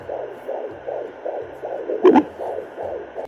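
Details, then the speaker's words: Fetal heartbeat on a home baby Doppler held still, fast regular whooshing about 150 a minute, with a louder thump and bubble-like sounds from the baby moving, heard very low on the abdomen. "And you hear the heartbeat, but you also hear like so much movement, and it's not your guts at all. Like it's so low."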